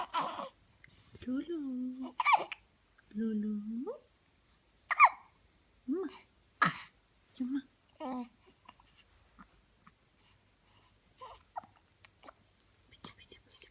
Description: My cute baby hiccups like toy